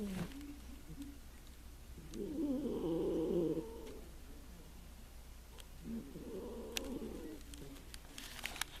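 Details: Russian Blue cat in a deep nap snoring: two soft, rumbling snores a few seconds apart over faint room hum.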